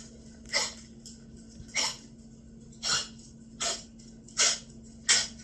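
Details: Dog coughing, recorded daytime then nighttime: six short, dry, hacking bursts spaced about a second apart over faint steady room hum; repeated coughing.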